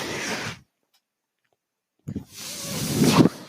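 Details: Hissing airflow bursts separated by about 1.5 seconds of silence, from the speaker's own mechanical ventilator running audibly during their recorded Star Wars podcast: a mechanical ventilator breath cycle.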